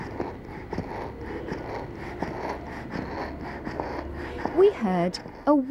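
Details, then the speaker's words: Child's noisy breathing with a musical whistle on breathing out, judged not stridor (stridor is a harsh sound on breathing in) but a wheeze; expiratory wheeze. "stride door is a harsh sound on breathing in this child has we when breathing out"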